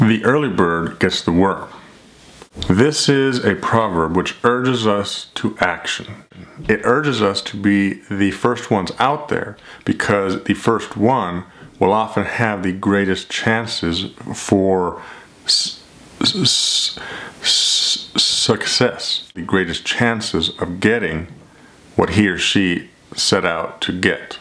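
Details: Adult man who stutters, speaking in a real phone call to a shoe store as part of a daily stuttering video project; stuttering.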